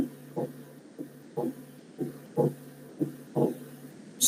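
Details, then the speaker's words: Split second heart sound that splits during inspiration: regular paired heart sounds at about 60 beats a minute, with S2 split into two close components; a brief noise burst at the end. "si yo un paciente y escucho que ese segundo ruido cardiaco se desdobla solo en inspiración"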